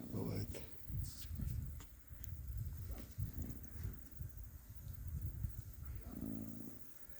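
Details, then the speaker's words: A foal of about four months snoring while lying down asleep outdoors at 10 a.m. on 2 September: deep, rough, snorting breaths, with a man talking nearby. "спит жеребёнок храпит вот 2 сентября 10 ча дня Бывает такое у них это видел я у других отдыхает же ребёнку"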